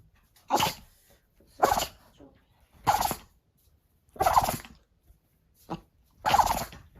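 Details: Dog sneezing in a rapid run, about six sharp, explosive nasal bursts in seven seconds; owner wonders if fur got into its nostril; repeated sneezing.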